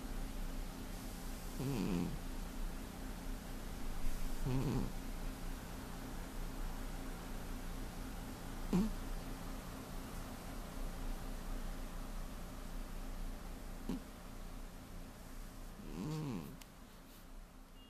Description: The heavy sleeping cat....he snores everyday.